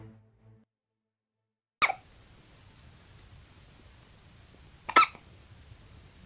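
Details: Newborn baby only 8 hours old with hiccups: two sharp, brief hiccup sounds a few seconds apart in a quiet room.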